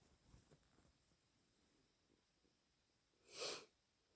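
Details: Quiet breathing and faint sniffs, then one sharp wet sneeze from a person with an awful snotty cold who has used a whole packet of tissues within a few hours of waking.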